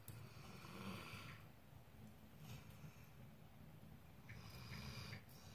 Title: Softly Snoring Obi by the Fire